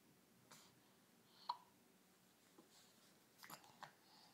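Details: A couple of brief, sharp little catches in breathing in a quiet room: a baby's hiccups.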